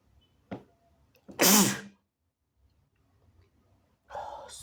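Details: A short in-breath, then one loud, wet, explosive sneeze, later a rustling noise, from a person (he/they) who is still somewhat sick; extremely wet, snotty sneeze.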